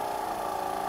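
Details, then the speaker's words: Steady mechanical hum of a portable suction machine switched on at 120 mmHg, tested by covering the valve to change the sound, during a simulated nurse OSCE nasopharyngeal suctioning training demonstration. "now once you switch on so I shouldn't put the finger on the valve at but you can test it see the sound change"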